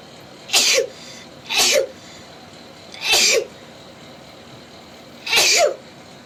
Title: girls sneezing rapidly. #7.|| rapid sneeze